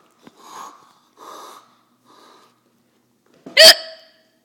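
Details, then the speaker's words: Child faking hiccups: three soft, breathy vocal sounds followed by one sharp, loud, gulping hiccup-like catch; imitated, not real. "Do your hiccups or diaphragm spasms? That's something Aiden would say. Fierce hiccups."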